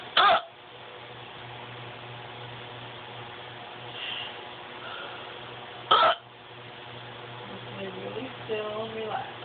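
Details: Person with persistent hiccups lasting an estimated five to ten minutes, at bedtime: two sudden sharp hiccups about six seconds apart over steady room hum, with faint talk at the end.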